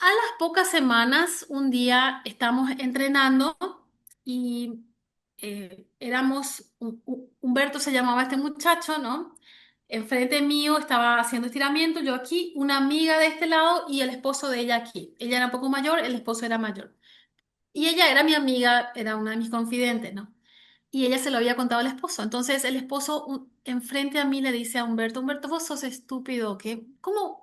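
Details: Developmental stuttering in an adult Spanish-speaking woman, onset at age 6; severe in childhood, now mild, mainly blocks.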